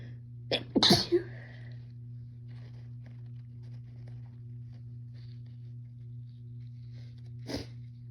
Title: I’m gonna sneeze (f)